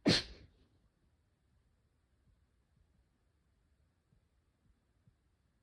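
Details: One sharp, explosive sneeze at the start, then near silence with faint quiet breathing.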